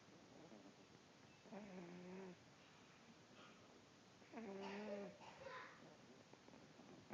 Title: Dog snore